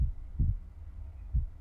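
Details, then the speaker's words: Simulated ASMR school-nurse role-play with a student suspected of faking sickness; stethoscope on the front of the chest during deep breaths gives soft, low heartbeat thumps with no added sounds, judged fairly normal; normal heart sounds. "Okay. Sounds fairly normal and quite good actually."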